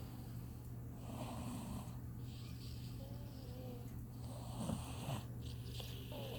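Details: A sleeping child snores with a steady low rumble that rises and falls with each breath.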